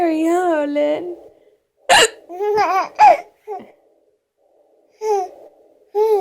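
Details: Mother with hiccups: voiced, laugh-like sounds broken by sudden sharp catches of breath at irregular intervals; hiccups amid laughter.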